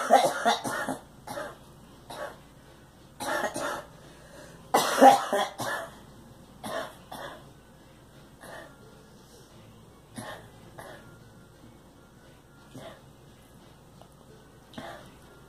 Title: Girl coughing